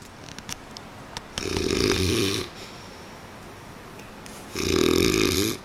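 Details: Two loud, rough, fluttering snores about three seconds apart in a quiet room; snoring.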